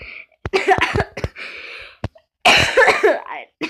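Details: Two clusters of rapid, harsh coughs with throat clearing and breathy sounds between, in a small room; a speaker who says they are sick.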